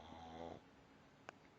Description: Rocky the pug - snoring loudly...as always. He does't seem to mind, but he's not being kept up all night by the sound of a chainsaw...